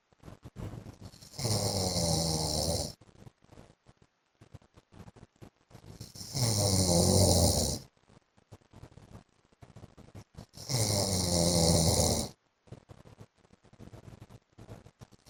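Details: A husband snoring in his sleep: three loud, harsh snores at about 13 a minute, with soft clicks and breath noise between them; heavy snoring.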